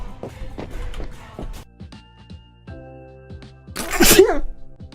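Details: Vtuber during a live stream: a single loud, explosive sneeze near the end after quieter sounds, over background music, part of a run of sneezes; sneezing.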